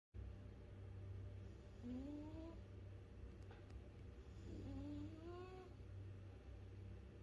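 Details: Cat sleeping, snoring.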